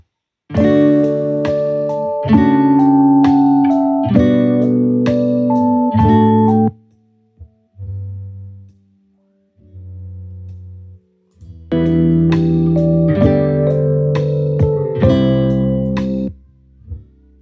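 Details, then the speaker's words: Soft guitar music played through a simulator for bilateral moderate/severe sensorineural hearing loss due to otosclerosis, starting on the right side; it sounds dull and flat with treble missing, as if instruments were taken away, leaving only the rhythm. "so I as I've mentioned before with music when you simulate music with these heing Rosses is as though some of the instruments are being taken away and you just get the Rhythm and a flat sound"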